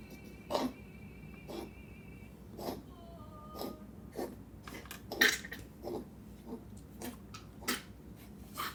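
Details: Puppy gives about a dozen short, dry, hacking coughs in a steady series, with faint whining and room noise; repeated coughing.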